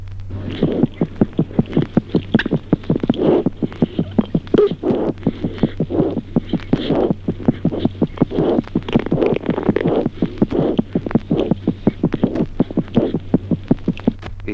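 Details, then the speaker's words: Normal newborn heart sounds: rapid, regular paired beats at about 160 a minute. "Ejemplo tercero, signos auscultatorios normales en el recién"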